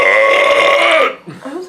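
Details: An adult after quickly chugging a beer: a loud, sustained, voiced belch of about one second, then a brief softer vocal sound.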